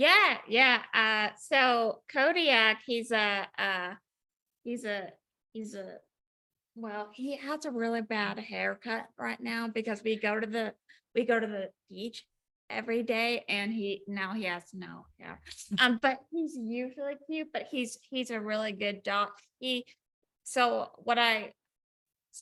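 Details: Woman with aphasia and apraxia of speech after a ruptured brain aneurysm with hemorrhage in 2019; apraxia reportedly flares up more when she is nervous to talk; aphasia with apraxia of speech.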